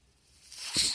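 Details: Podcast host's own mechanical ventilator in the background as he speaks: a soft hiss of airflow swells into a brief whoosh as it delivers a breath; mechanical ventilator sound.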